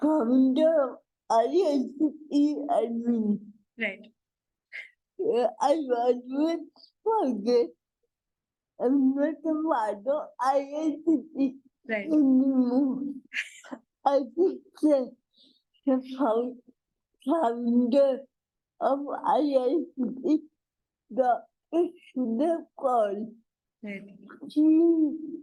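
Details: Dysarthria in an adult woman with cerebral palsy, a real speaker; speech is hard to understand, so the host repeats and paraphrases her answers.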